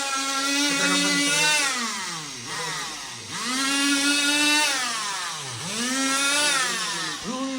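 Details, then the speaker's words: High whining oscillating cast saw rising and falling in pitch as a doctor cuts a plaster cast off a leg at a hospital. "तर आता मित्रांनो काय पाय कापून टाकलेला आहे आपल प्लास्टर कापून टाकलेल आहे"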